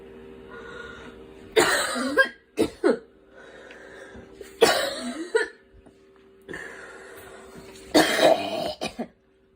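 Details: Girl coughing in three bouts, each a forceful cough followed by a couple of smaller ones, with a quiet breath between bouts.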